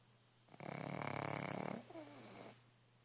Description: Sleeping pug snores loudly